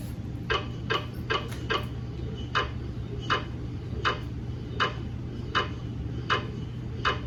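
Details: Sharp somewhat irregular knocking taps, about 80 a minute, over a steady low hum: GE MRI scanner gradient noise during a daily quality-assurance scan of a 150mm head phantom, not a patient.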